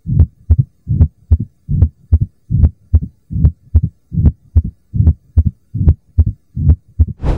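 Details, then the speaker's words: Stethoscope at the apex, fifth intercostal space at the midclavicular line: regular heartbeat about 74 a minute with a low, rumbling sound between beats; mitral stenosis murmur. "this oscilation point is best for hearing the mitro valve closure and murmurs like mitro stenosis and the sound of mitro valve prolapse"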